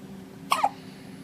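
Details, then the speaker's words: Baby with hiccups: one short, sharp hiccup with a quick catch of breath, against steady room hum. "a you got the hiccups"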